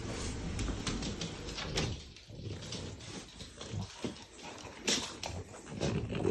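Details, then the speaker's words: Two sleeping French bulldogs snoring at home, described as snoring a lot: irregular low snuffling and snorting, noisy breathing typical of the flat-faced breed. "you can probably hear them snoring you'll probably hear them in all of my videos they snore a lot they're two frenchies"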